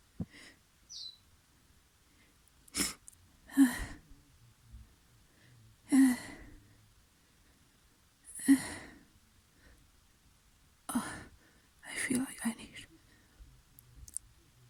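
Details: A person with a very snotty nose gives several soft, wet sneezes and sniffles with short breaths between, in a quiet room, later blowing their nose: sneezes.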